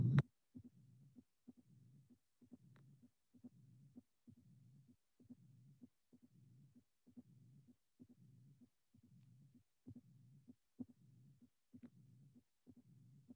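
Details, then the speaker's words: Tricuspid stenosis with Rivero-Carvallo cyclic variation: regular three-sound rhythm near 65 a minute with opening snap and low diastolic rumble whose intensity varies cyclically with breathing. "Please concentrate on the finding and you will appreciate the three sound rhythm, the presence of the rumble, and more than anything else, that the rumble is not constant as a intensity, but as cyclic variation."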